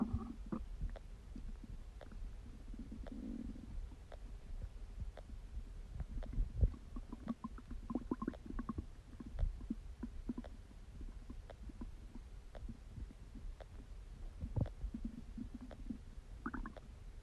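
Low gurgles and rumbles with scattered clicks from a digesting stomach, typical active bowel sounds.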